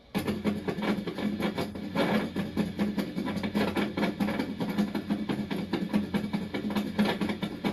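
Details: Needle EMG from a patient referred with a diagnosis of dystonia: irregular, crackling bursts of muscle activity with an uneven, chaotic rhythm, fitting a psychogenic tremor rather than dystonia.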